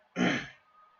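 One short, forceful throat clear; a lingering irritative cough while recovering from laryngitis.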